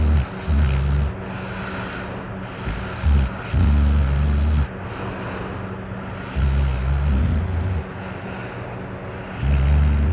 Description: Me snoring after being drunk it's a little hard to hear because I had my fan on ( I was hot!) I snore so loud I'm kind of embarrassed!